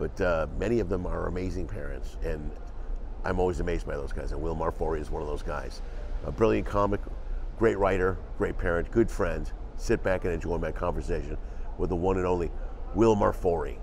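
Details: Adult male speaker; Typical speech.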